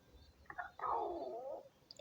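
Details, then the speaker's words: Stomach growl from someone who says they haven't eaten all day: low, drawn-out gurgling growl about a second long, typical of an empty, hungry stomach; borborygmi. "Well, gosh, Lee, I haven't eaten anything all day. I could have forgot I have to eat. Oh goodness, how terrible for me."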